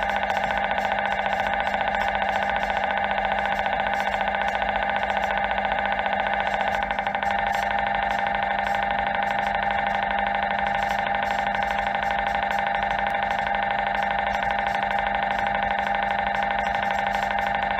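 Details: MRI scanner noise: loud, steady, rapidly repeating buzzing drone, the normal noise of a scan.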